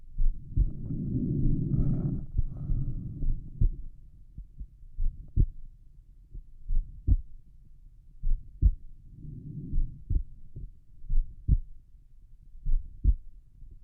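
Soft, regular paired heartbeats at roughly 70 a minute over the pulmonic area, with some rubbing noise early on; a normal resting heartbeat.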